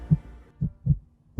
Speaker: You can have a hand in directly saving a child and a mother's life. A heartbeat is universal.